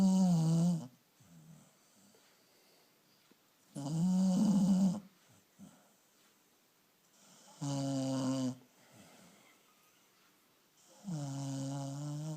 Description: My dog snores a lot. This time her tongue was sticking out.